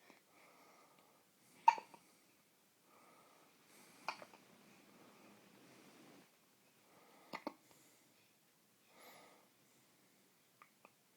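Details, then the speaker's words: Baby hiccups, not relieved by burping, rubbing or patting and only stopped by nursing: soft breathing broken by brief, sudden, sharp catches every two to three seconds, about four in ten seconds. "We just hang out and experience the world. And sometimes we hiccup."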